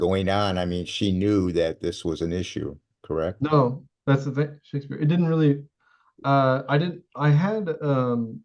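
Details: Adult speakers in conversation; conversational speech.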